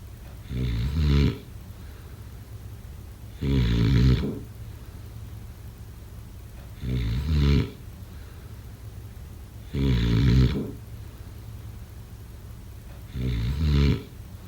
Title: Snoring sounds… #6